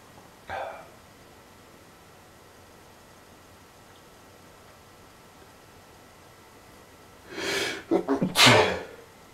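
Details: Person sneezing fast, loud and uncontrollably, attributed to allergies: repeated sneezing.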